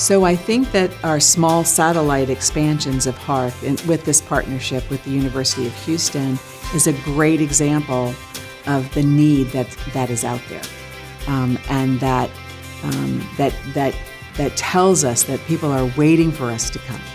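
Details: Adult speaker; Normal speech.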